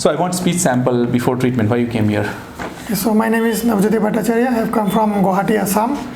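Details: 36-year-old male before therapy, with a high-pitched voice for about 20 years persisting past puberty; laryngoscopy shows mildly prominent false vocal cords moving with the true cords during phonation: ventricular dysphonia.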